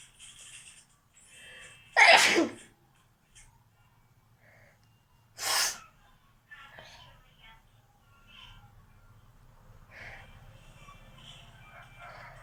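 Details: Two loud, explosive sneezes a few seconds apart with quieter breathing and rustling between; deliberate sneezes performed for a sneezing challenge.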